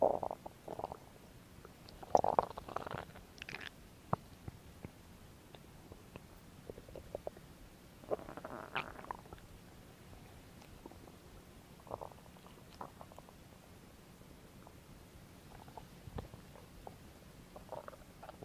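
Repeated gurgling rumbles and soft pops from the belly, some longer growls: ordinary bowel sounds, stomach growling.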